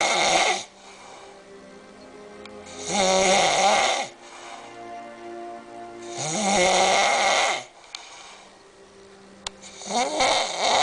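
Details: Passed out and snoring loudly; loud, rumbling snores at about 17 breaths a minute with background music: heavy snoring.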